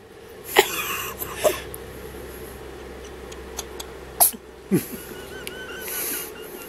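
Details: Several small, sharp, high-pitched sneezes from a female kitten, spaced a few seconds apart against quiet room noise, while her nose is being rubbed.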